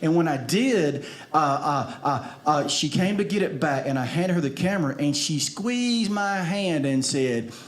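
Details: Stuttering in an adult male comedian who has stuttered for 47 years.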